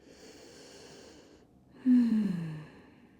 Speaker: You can hear my little buddy snoring in the corner.